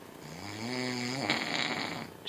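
One drawn-out buzzing, rattling breath that ends in a harsher snort, consistent with a snore.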